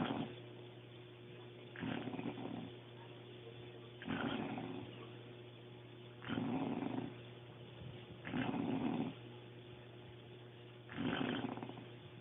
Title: Sister-in-law snoring like a Grizzly Bear Part 1